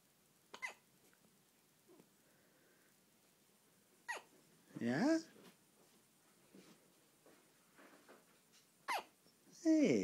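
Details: 6-day-old newborn boy waking after sleeping almost all day: soft, abrupt hiccups about every four seconds with brief grunts and fussing between; ordinary infant hiccups.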